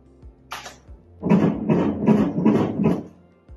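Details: Doppler ultrasound of twin A in a first twin pregnancy at 17 weeks: rapid, regular whooshing fetal heart pulses at 159 beats per minute, a normal fetal heartbeat.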